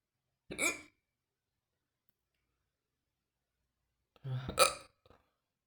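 Two sharp, abrupt voiced catches several seconds apart in a quiet room: hiccups.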